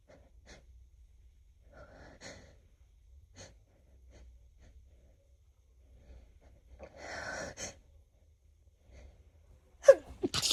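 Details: Female sensitive to a roommate's new cat: quiet breathy sounds and a faint inhalation, then a sharp sneeze burst near the end; allergic sneezing.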